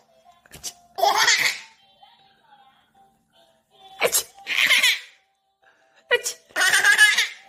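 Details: 300-day-old baby sneezing three short times, each followed by bursts of giggling laughter; normal infant sneezes.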